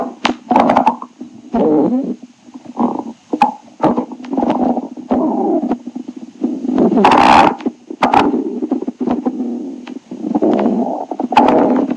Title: Stomach growling tribute 6